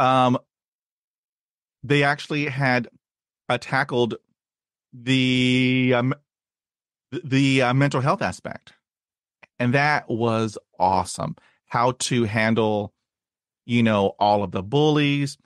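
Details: Adult man who has stuttered since childhood, had speech therapy at age 5 and again in his 20s, and reports blocks and repetitions, especially on cold reads; stuttering.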